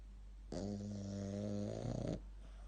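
One drawn-out, buzzing, slightly whistling snore lasting under two seconds from a small dog: ordinary snoring.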